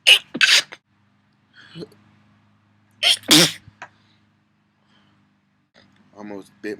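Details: Person sneezing: two loud sneezes, each a sharp intake then an explosive burst, with brief faint voice sounds between them.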